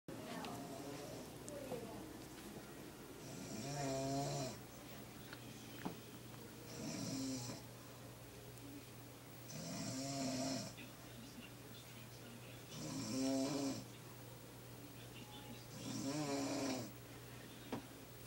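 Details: Mother snoring: regular snoring at about 19 breaths a minute, each breath a rough buzzing rattle, with a steady low hum in the room.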